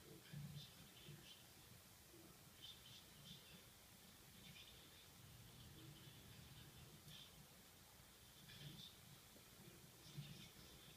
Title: Baby has the hiccups!